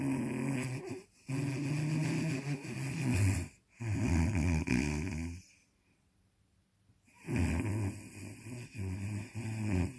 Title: Must watch this is funny!!!If snoring was a person